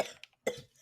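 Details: Adult woman's two short, harsh cough bursts just after inhaling cannabis vapor from a device set to 500 degrees, a brief airway irritation response.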